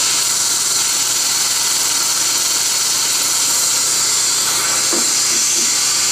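Loud continuous high-pitched whine with hiss of water spray; dental instruments running during root canal treatment.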